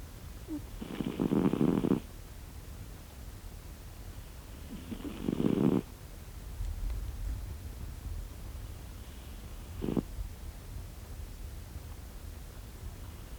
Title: Ich glaub es nicht, diese Katze schnarcht! | I can't believe it! This cat snores!